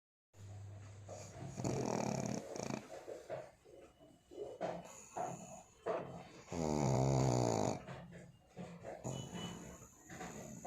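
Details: Sleeping dog snoring: loud, rattling snores with fluttering inward breaths and snuffly pauses.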